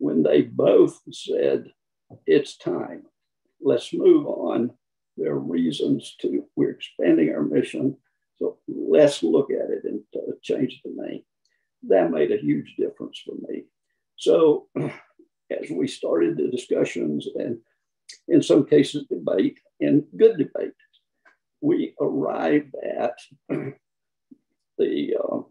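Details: Adult man who counts himself among people with spasmodic dysphonia; spasmodic dysphonia.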